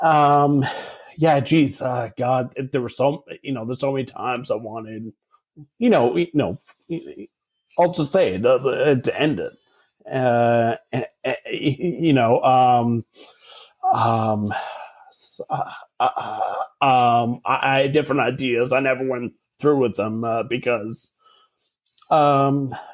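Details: Adult man with stuttering since about age 5 or 6, treated with speech therapy from age 5 to 18, speaking in real conversation; stuttering.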